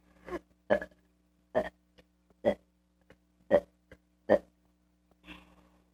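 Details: A run of about seven short, voiced belches in quick succession from a kid, over a faint steady hum; repeated burping.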